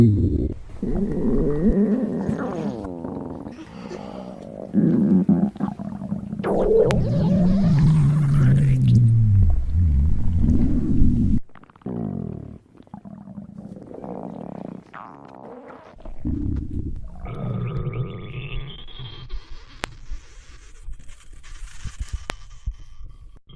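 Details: Low gurgling rumbles and a squeaky falling groan from the belly: stomach growling (borborygmi).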